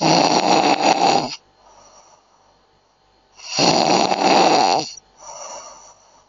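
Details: Adult snoring during sleep: loud, rough, rattling inhaled snores about every 3.5 seconds, each followed by a softer exhaled breath.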